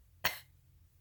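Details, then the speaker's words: Adult with myasthenia gravis describing throat closing and breathing difficulty: a single short, sharp cough imitating the small cough used to reopen the throat; cough. "I could make like a coughing sound. I realized it went this far, this long, to where I realized if I coughed"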